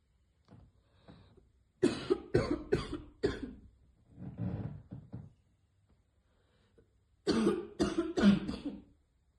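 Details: Girl choking on vape vapour after repeatedly failing to hit the vape: two harsh bursts of four coughs each, with a softer throat-clearing cough between them; cough.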